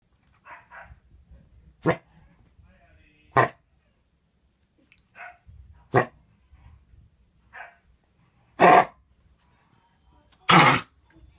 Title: Foxy Coughing